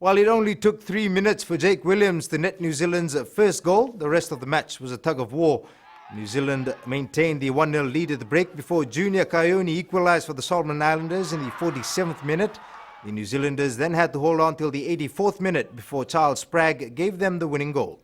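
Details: Adult male news reporter; normal voice.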